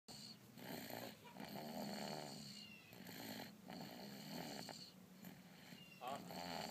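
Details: Sleeping cat napping, soft rhythmic rasping breaths rising and falling steadily with faint room noise: ordinary snoring, with drool.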